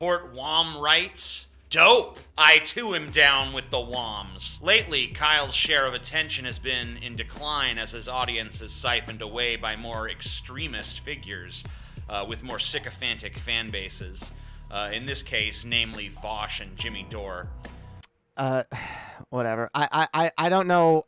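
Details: Adult male speaker; typical speech.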